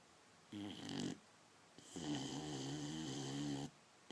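Two rough, rattling snores from a dog, each lasting one to two seconds with a low buzzing tone, separated by a quiet pause.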